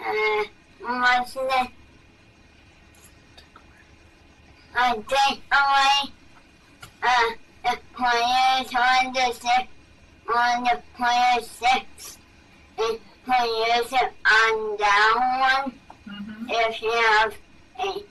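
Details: Dysarthria in a boy with hypernasality, strained voice, slow speech rate and reduced lip and tongue movement.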